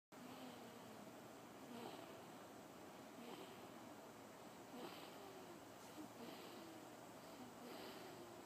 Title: Snoring baby...